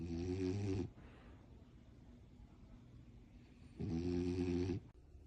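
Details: Two loud, low rattling snores about four seconds apart with quiet breathing between, from Neo, a sleeping French bulldog.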